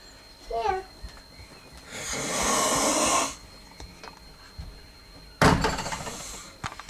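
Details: Long, harsh, noisy snoring breath ending in a sudden loud snort from a sleeping man while others try to wake him; loud snoring.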